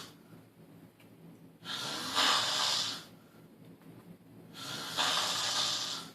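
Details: Two loud, harsh, hissing snores, about three seconds apart, with quieter breathing between them; snoring.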